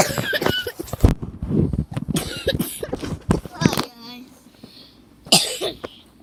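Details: Several abrupt, harsh coughs interrupting indistinct voices during a prank, with a brief high squeak in the background: cough.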